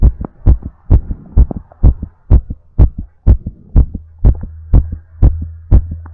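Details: Rapid heartbeat recorded during recovery after exercise, with breathplay, after drinking an energy drink beforehand.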